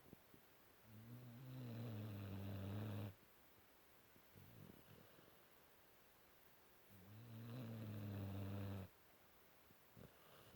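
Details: 5-month-old Cane Corso puppy asleep after a tiring day; two long, low, buzzing inspiratory snores about six seconds apart, around 10 breaths a minute, in a quiet room.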